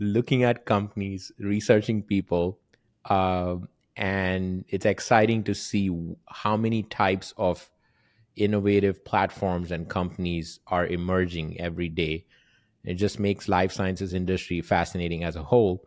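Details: Adult man speaking; typical speech.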